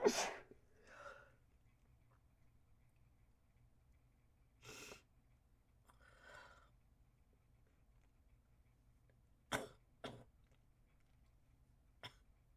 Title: Harsh Sneezes